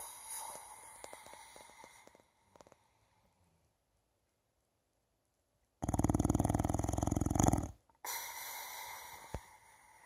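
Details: Snoring recorded in fall 2018: a loud, fluttering, rattling snore lasting about two seconds, with quieter breathing noise before and after.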